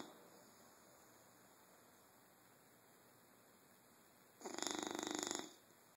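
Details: Sleeping bulldog: quiet room, then a single buzzing, fluttering snore of about one second near the end; snoring.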